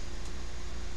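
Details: Salter AIRE Plus compressor with Salter #8900 nebulizer giving an aerosol medication treatment, usually 6 to 8 minutes; steady loud low motor hum and hiss of the compressor running.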